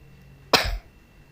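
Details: One short, sharp cough in a quiet room from a person who keeps coughing repeatedly while playing a video game.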